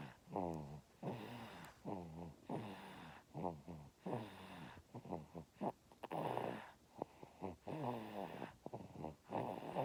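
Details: Repeated low, rattling voiced snores with snorting bursts, fairly irregular, roughly 20 breaths a minute; snoring.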